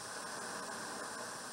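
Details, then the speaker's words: Needle EMG at the muscle end plate: a steady soft hiss like a seashell or sitting on a beach, from small end plate potentials under 100 microvolts; classic end plate noise, a normal finding. "One is end plate noise, the other one is, and you'll hear this very classical sound for end plate noise."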